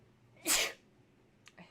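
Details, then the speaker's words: Single sharp, explosive ordinary sneeze with faint breath sounds afterward, from a sneeze compilation; the sneezer says they are going to sneeze again. "Oh my goodness, I'm going to sneeze again. Oh my goodness."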